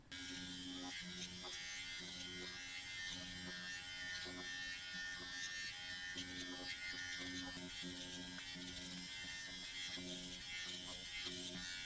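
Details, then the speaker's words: Dr. Pen electric microneedling pen used at home at 0.75 needle depth and speed setting 2 on the chest: steady high buzzing motor whine with rapid pulsing as it runs over skin. "I'm gonna leave it at the .75 depth and the Revolution speed of on number two and I'm going to go ahead and do my chest area"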